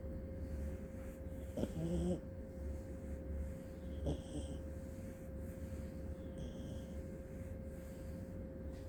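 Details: Small papillon/Aussie puppy napping with soft snorting snores and short happy groaning sounds over a steady background hum; harmless sleep snoring.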